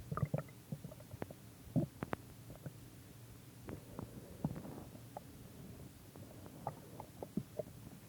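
Irregular low gurgles, pops and squeaks over a quiet rumble. Ordinary gut sounds of stomach growling.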